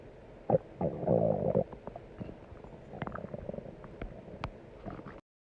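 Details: Low gurgling rumbles and brief squelching pops from the belly; stomach rumbling (borborygmi).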